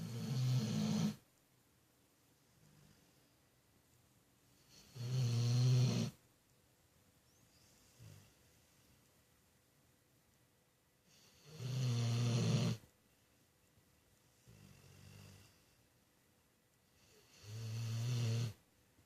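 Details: Loud, rough snoring during sleep, about every six seconds with softer breaths between, in a quiet room.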